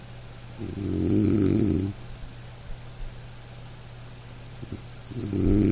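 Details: Dog snoring over light rain in a sleep-aid recording: two soft, fluttering snores with quiet breathing between; gentle, harmless dog snoring.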